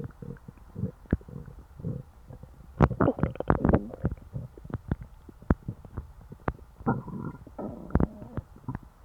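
Loud gurgling, bubbling stomach rumbles with sharp pops and squeaks; ordinary stomach growling after a large meal.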